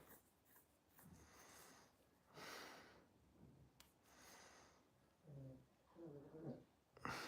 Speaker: If you can hear farting in the background, it's dogs snoring.